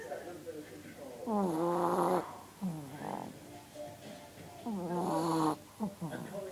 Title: Molly snoring